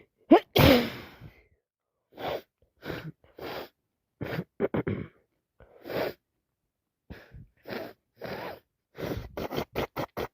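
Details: Adult with a worsening cold: a loud wet sneeze followed by repeated sniffing and nose-blowing sounds, sneezing and congestion.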